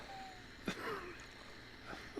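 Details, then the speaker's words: An adult talk-show host says he is wheezing; faint squeaky whistling tones follow a short breath noise, fitting wheezing. "I'm wheezing on if you can hear it"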